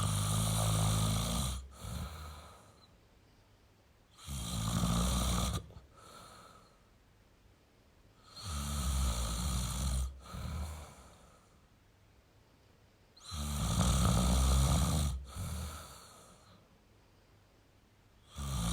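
Deep, rough snores about every four to five seconds, roughly 13 a minute, with softer breaths out between; steady snoring in sleep.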